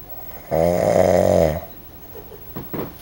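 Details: Very loud snoring from a sleeping male: one long, loud, buzzing snore on the in-breath, followed by softer breathing sounds.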